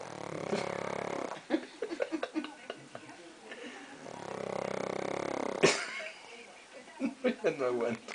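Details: Sleeping dog snores, briefly wakes, then keeps snoring: two long rumbling snores with soft human talk between them. Snoring.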